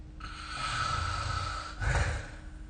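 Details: Snoring recorded with the SnoreLab app: one long, rough snore on a breath in, then a short snort, over a faint steady background hum.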